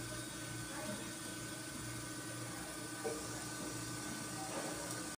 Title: How dialysis machine runs #dialysis #machine #asmr #patient #sound #viral #short #shorts